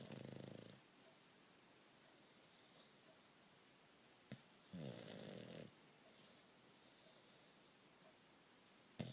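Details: Loud, buzzing snores, two with long quiet gaps between, from a bulldog sleeping soundly; coarse rattle from throat soft tissue; snoring.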